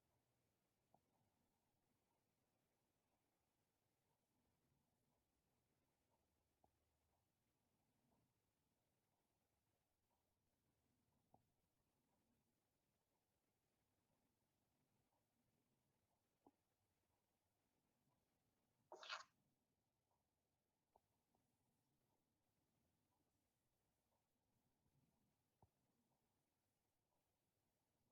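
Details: Overnight respiratory sleep study in a male patient with normal AHI, ODI and mean saturations: very quiet recording with faint, brief clicks every four to five seconds and one louder noise midway; soft inspiratory clicks during apnoeas.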